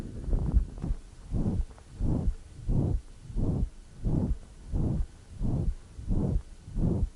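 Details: Ventricular septal defect murmur (holosystolic).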